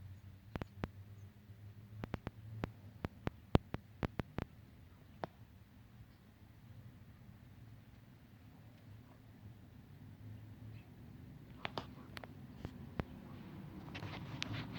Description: This poor hen got the hiccups, it was both hilarious & sad at the same time.